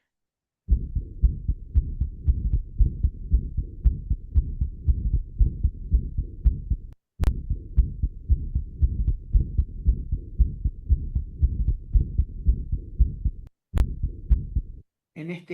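Regular heartbeat around 115 per minute with a soft systolic murmur at the pulmonary area and a loud second sound, fitting an atrial septal defect flow murmur.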